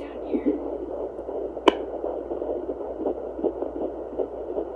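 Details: Soft rhythmic whooshing pulses over a steady hum: a fetal heartbeat picked up by a handheld home baby Doppler placed on the pregnant mother's abdomen.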